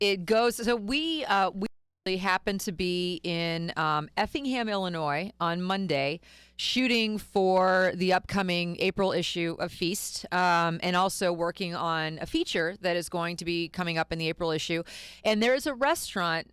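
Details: Adult woman speaking; typical speech.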